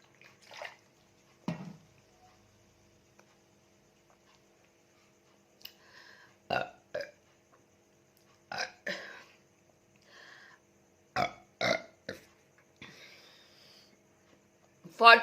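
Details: Burping challenge after drinking Coca-Cola: a run of about nine short, loud burps with quiet gaps between them; repeated burping.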